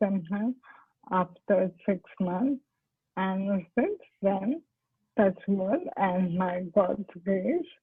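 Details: Adult woman doctor with ALS (motor neurone disease) speaking with dysarthric speech.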